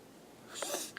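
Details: Sneeze for a sneeze challenge: a quiet build-up, then one short, hissing burst of air, a single sneeze.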